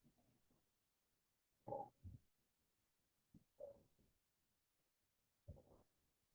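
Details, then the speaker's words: Fine inspiratory crackles of lung fibrosis through a stethoscope: muffled breath sounds with brief fine crackling bursts, velcro-like, compared to dry leaves or hair rubbed by the ear; teaching example, not the coarse crackles of pneumonia. "Si logras asemejarlo a un sonido, ¿por qué te he puesto las hojas ahí? Porque podrías asemejarlo al sonido de las hojas secas. Son sonidos finos."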